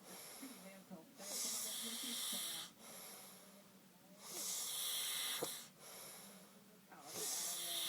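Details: Hissing, whistly snores with each breath, about 20 a minute, alternating with quieter rumbling exhales; snoring.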